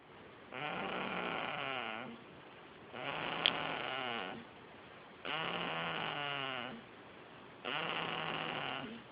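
Four long, buzzy snoring sounds at about 27 a minute, steady and alike. Snoring, possibly produced by a machine.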